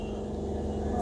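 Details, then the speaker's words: 5-litre oxygen concentrator just switched on via a stabilizer: steady low motor hum with a faint whine, before flow is set (e.g., 3 L/min per doctor). "Stabiliser on ആക്കിയതിനു ശേഷം oxygen മെഷീൻറെ മുകൾ ഭാഗത്ത് കാണുന്ന switch on ചെയ്യുക"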